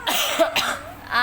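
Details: Young child with a cough and cold: two short, wet-sounding coughs with some throat noise; ordinary cough.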